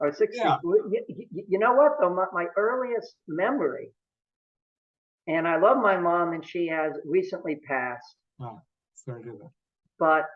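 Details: Older adult male lawyer who has stuttered for about 65 to 70 years, since age 2 or 3, at times leaving him depressed; his father and a brother also stutter; stuttering.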